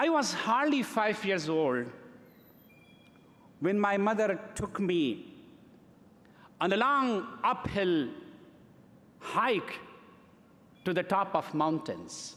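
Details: Adult man who has stuttered since early childhood, giving a speech in English at a gala: stuttering.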